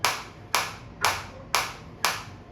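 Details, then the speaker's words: Biotronix focused shockwave applicator on the operator's own hand/wrist at intensity about 9 to 10 (11 not recommended for the tissue), felt deep in tissue: sharp evenly spaced snapping pulses, five in about two and a half seconds. "तो न और 10 मेरे लिए enough है hand के लिए और आप देख सकते हैं कि मेरे को पूरा अंदर तक ये हिट हो रहा है और मेरे को अंदर तक फील हो रहा है।"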